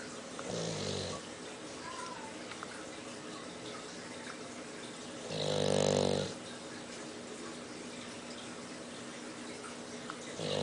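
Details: Two low rattling snore sounds about five seconds apart over steady room noise, from a loud snorer: snoring.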